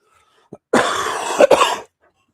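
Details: Single harsh, noisy cough burst of about one second with a brief break, from an adult man who reports trouble breathing and wonders if he sounds wheezy.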